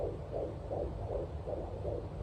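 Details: 22 weeks pregnant, home fetal Doppler on the left side of the belly: rapid, regular galloping whooshing pulses about 155 a minute, mixed with the mother's heartbeat over a low hum, as the baby moves; fetal heartbeat.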